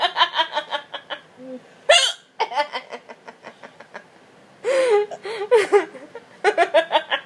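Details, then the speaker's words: Girl laughing hysterically in bursts, broken by sudden, sharp, gulping catches of breath: hiccups during laughter. "Is it ever going to end? Oh, Lord. There's another one. When are you going to stop?"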